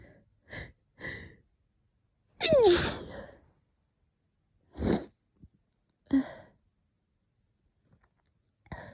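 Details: A run of sneezes with sharp sniffs and snorts between them, on waking after a cat slept on the pillow of a person terribly allergic to cats, with burning face, swollen eyes and running nose.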